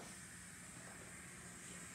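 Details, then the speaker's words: EMS training demo: continuous soft hiss of oxygen at 15 L/min filling a non-rebreather mask's reservoir bag, with a finger held over the one-way valve to pre-fill it before it is placed on the patient. "we're going to put our finger over the one-way valve to pre-fill our reservoir will see our bag start to fill and"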